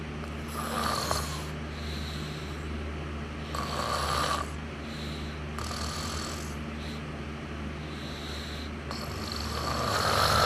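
Soft, rhythmic snoring breaths with a faint whistling edge over low background hum; snoring during sleep.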